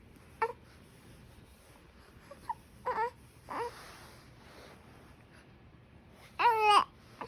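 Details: Infant with hiccups fussing and whimpering in short bursts, ending in a longer wavering cry in a quiet room. Infant cry.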